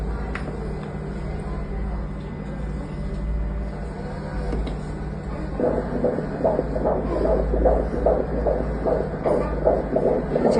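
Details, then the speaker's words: Doppler ultrasound at about 4 months 20 days of pregnancy, heartbeat judged fine but fetal weight still low (about 250 g): after hum, rapid rhythmic whooshing pulses about 150 per minute; normal fetal heartbeat. "Heartbeat হ্যা heartbeat ভালো আছে কিন্তু ওজনটা এখনো কম"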